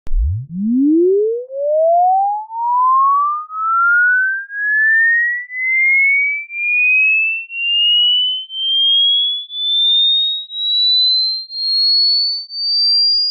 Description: How old are your ears? Use this hearing test to determine whether or not you can hear different frequencies.